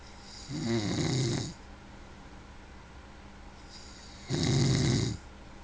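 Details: Two loud, rattling inhaled snores about four seconds apart with quiet breathing between; snoring during sleep.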